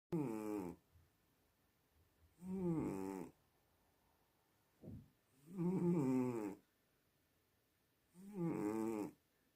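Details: A cat snores loudly, with a tonal, buzzing rattle on each breath, about 21 breaths a minute.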